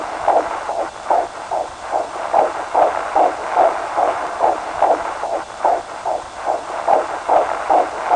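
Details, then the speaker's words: Fetal heartbeat heard during a 4D ultrasound at a pregnancy center, in a mother who became pregnant at 16: rapid, regular whooshing pulses at about 146 a minute. "I mean hearing a heartbeat that's inside of you is just beautiful"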